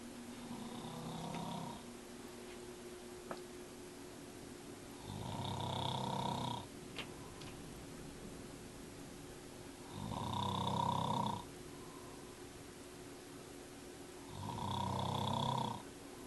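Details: Adult man (fiancé) snoring loudly while asleep in a bedroom at 9 p.m., recorded from the doorway: loud, low rattling snores on each in-breath, about four cycles over sixteen seconds, with steady room hum. Heavy snoring.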